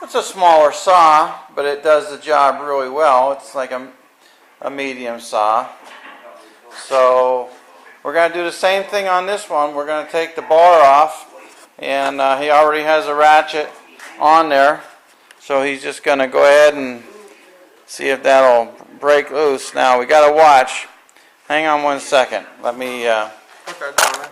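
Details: Adult man speaking; typical adult speech.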